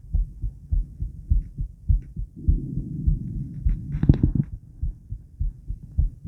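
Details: Adult female's heartbeat recorded around exercise (50 squats): regular low thumps at about 100 a minute with brief rustling midway; normal heart sounds.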